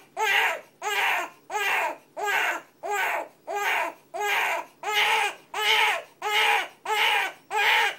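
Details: Infant crying in short, evenly spaced, clipped rhythmic bursts, about 90 per minute; an unusually weird cry.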